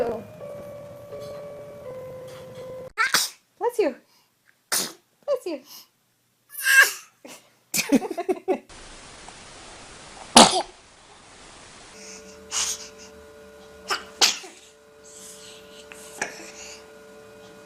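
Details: Compilation of babies sneezing: several small, sharp infant sneezes in a row, with brief adult voices saying "bless you" and some background sound between them.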